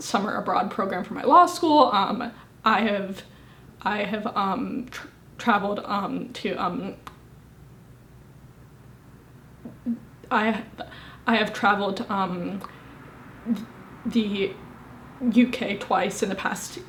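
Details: Woman, 25, with a severe stutter present since at least age 18; stuttering.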